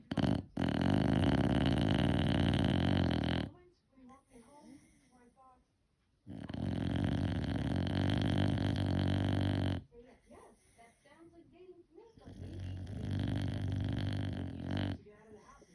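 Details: Dandie Dinmont Terrier dog snoring: loud, rattling, drawn-out breaths alternating with quieter snuffling gaps, about four breaths a minute.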